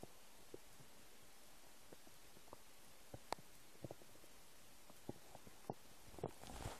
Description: English: New noises of my empty stomach. I hope you like it :3